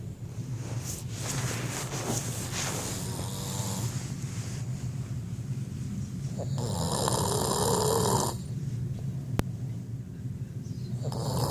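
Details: Steady, rumbling, fluttering snoring through each breath cycle, with a louder rough stretch partway through, over a constant low room hum: snoring.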